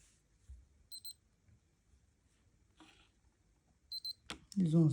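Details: Two short high double beeps from a Lifechek Stick blood glucose meter during a repeat-measurement precision test by a person with 30 years of type 1 diabetes, quiet room, voice starting at end.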